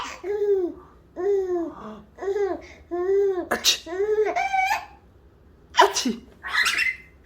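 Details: Father's sharp sneeze bursts between bouts of his baby son's bright, rhythmic laughter in reaction.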